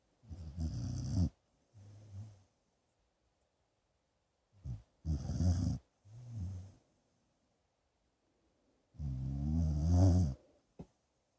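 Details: Sleeping dog snoring: deep, low snorting snores on breaths in and out, with long silent pauses between.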